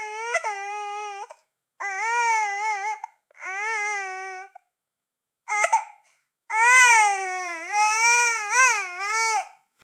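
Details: Sound effect of a baby crying in a crib: an infant cries in repeated wailing bursts with pauses for breath between them.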